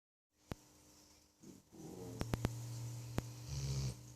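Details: Sleeping dog with very loud, house-shaking snoring: a single low, rumbling, vibrating snore with a few sharp clicks and background noise.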